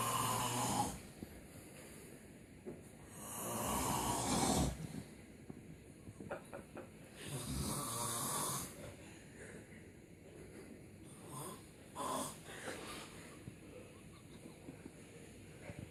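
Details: Two or three noisy, rasping breaths in about 16 seconds, with faint rustling and small knocks between them, recorded during a prank; snoring.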